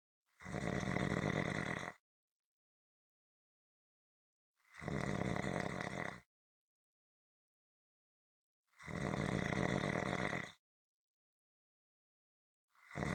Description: This is a 7 minute clip consistant rhythmic snoring.